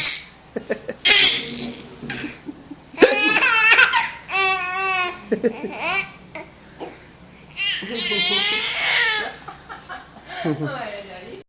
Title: Baby laughing hysterically on hiccups